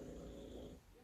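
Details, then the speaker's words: Snoring of a dog sleeping nearby in a quiet room: a low, rough rumbling breath sound that fades near the end. "you could probably hear them snoring"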